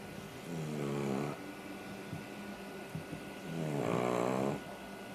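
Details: Dog sleeping on her back snoring loudly like a chainsaw: two loud droning inspiratory snores with softer snuffling between.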